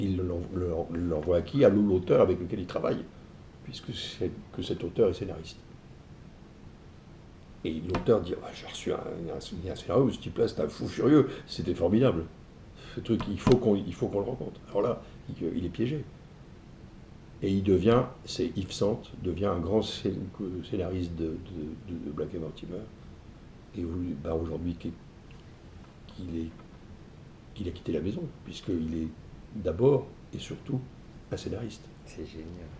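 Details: Stuttering in an adult man; fluency reportedly varies with the listener's receptiveness.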